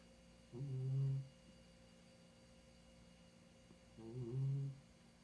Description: This is my 15 yr old cat Babe -- Just listen to her snore !!! lol